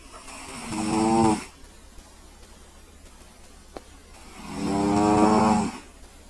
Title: CAT SNORING